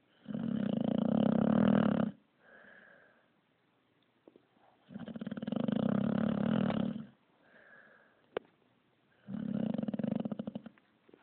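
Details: Loud, rattling inspiratory snores with softer wheezy exhalations, about 13 breaths a minute, from a sleeping puppy: snoring.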